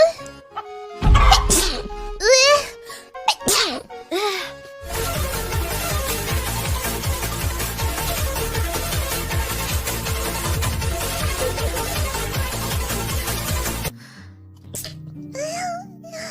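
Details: Sneeze compilation clip from a VTuber stream: several high-pitched sneezes with voiced squeals, then loud background music.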